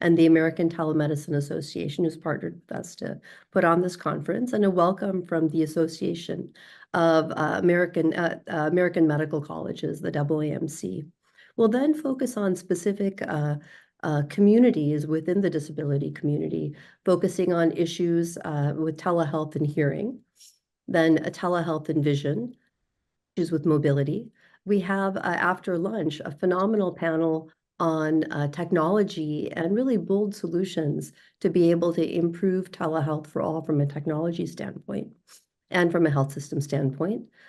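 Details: Adult speaker; normal speech.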